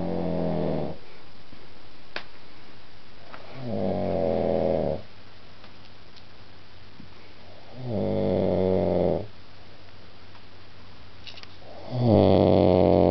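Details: Loud, deep rattling snores on each in-breath, about four over thirteen seconds, with quiet pauses between, from a man asleep at 1:30 a.m. after a few drinks; ordinary snoring.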